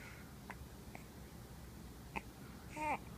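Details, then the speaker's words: Baby boy with hiccups while holding his father's finger and looking around. "mister oh you got the hiccups he's holding Daddy's finger"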